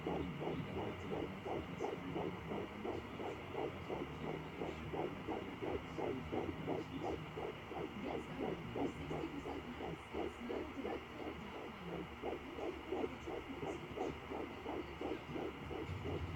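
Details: Fetal heartbeat at about 9 weeks of pregnancy on a Sonoline B fetal Doppler: rapid, fairly regular whooshing pulses near 170 a minute over a steady hum. The monitor was not registering the right heart rate.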